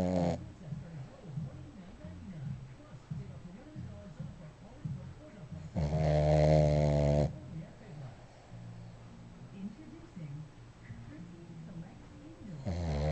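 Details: Sleeping dog snoring: low, rumbling snores with one louder, longer snore in the middle.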